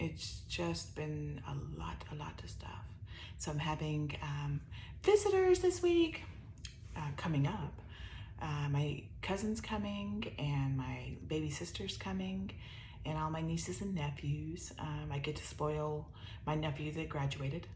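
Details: Weak, soft voice in an adult woman with upper motor neuron dominant ALS (C9orf72 mutation, some lower motor neuron signs); her voice grows softer with talking, and she uses a microphone.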